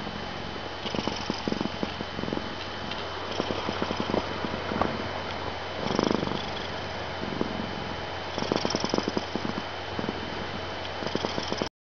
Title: Dexter snoring/purring, listen with sound up